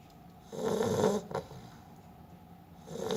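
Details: Pongo, a sleeping Beagle, snoring: a short, fluttering snore with a brief snort, then a quieter breath and the start of the next snore.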